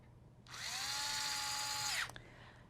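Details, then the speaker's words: Powered intraosseous drill driving a needle into the medial anterior proximal tibia in a demonstration: a high whining motor runs about 1.5 seconds, then stops abruptly as resistance drops on entering the marrow. "Pressing the trigger of the device, lightly drill the needle into the bone until you feel a decrease in resistance. This often feels like a pop when the needle enters the marrow."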